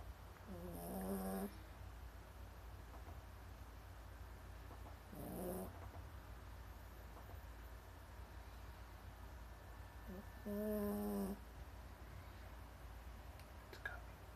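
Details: Snoring during sleep, not her loudest: three deep, rattling snores roughly five seconds apart over a steady low room hum.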